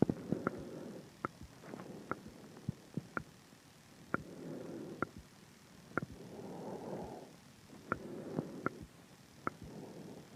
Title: clicking sound in throat in sync with heartrate